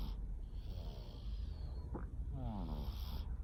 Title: Just a snoring cat